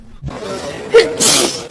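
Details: A K-pop idol sneezing: a quick in-breath, then one sharp, hissing sneeze burst, with faint background music.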